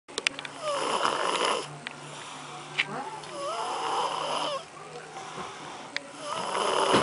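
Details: Snoring: rough, noisy breathing with a few soft hums in a quiet room, about 20 breaths a minute.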